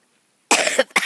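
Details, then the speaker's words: A person coughs while talking outdoors and filming flowers, noting that they start coughing whenever they talk a lot: two quick, harsh coughs. "I notice that when I start talking a lot I start coughing"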